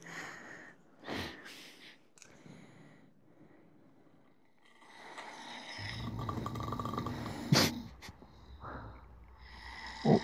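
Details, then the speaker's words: A man snoring loudly in his sleep at night while his partner films him; the partner says they couldn't sleep until 4 am. Loud, rough snorting snores with the breath and grunting between in a quiet room: heavy snoring. "O ne be ya? Ya hayatım o kükremişim resmen."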